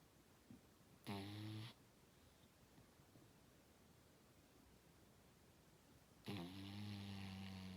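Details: Two loud, low, rattling snores about five seconds apart, separated by quiet breathing; ordinary snoring.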